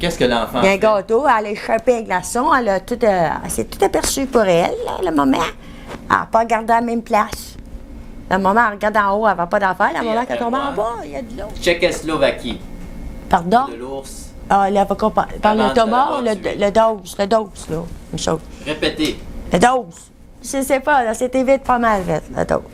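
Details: Patient describing a picture card in fluent but largely incomprehensible speech; clinician notes semantic and phonemic paraphasias; mixed aphasia with paraphasias.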